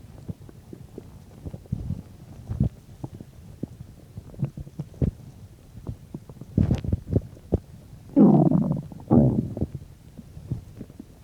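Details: Bowel sounds while digesting a bean and cheese burrito, about 10-15 minutes after eating: irregular gurgles and clicks, then two long, loud rumbles, ordinary stomach growling.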